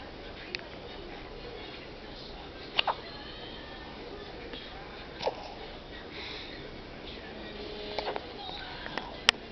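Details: Newborn girl just over a day old with hiccups: brief, sharp little catches recurring every few seconds.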